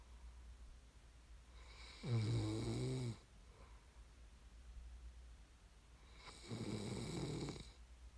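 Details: ASMR snoring recording made for listening to fall asleep: two loud, rattling inspiratory snores about four seconds apart over a steady low room hum; ordinary snoring during sleep.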